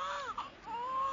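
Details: Newborn girl's first cry: a brief, high, wavering wail.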